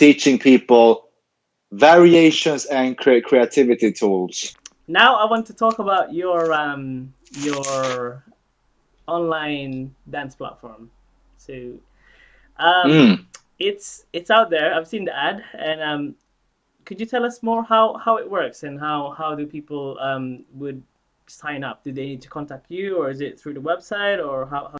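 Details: Adult male interviewer; normal speech.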